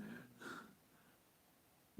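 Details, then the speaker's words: Adult's stomach growling, a brief low gurgling rumble with a whiny tone, heard during a conversation. "you hear that Jack it's my stomach growling"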